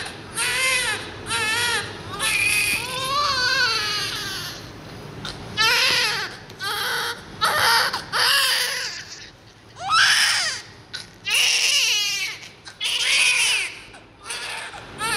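Repeated loud wailing cries with short gasping pauses between them, a newborn crying; faint background music.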